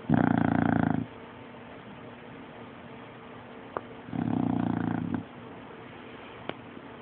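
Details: Sleeping bulldog snoring: two long, loud rattling snores about four seconds apart that wake a baby bulldog.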